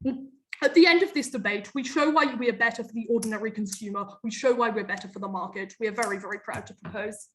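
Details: Adult female speaker; Normal fluent speech.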